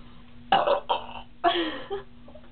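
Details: Two girls deliberately burping as much as they can while drinking cream soda.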